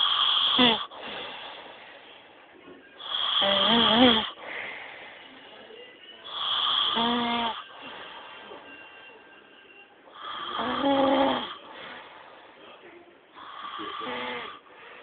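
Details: Heavy snoring while sleeping: loud, rattling snores about 18 times a minute with quieter breathing between them.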